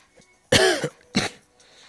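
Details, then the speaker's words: Adult with congestion: two coughs, the first harsher and longer with a throaty, rattling edge. "Again, sorry, I'm a bit congested, so apologize for the coughing."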